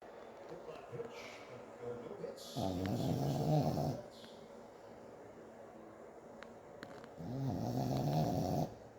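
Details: Sleeping dog snoring: two long, rattling snores a few seconds apart with quiet breathing between them; ordinary snoring.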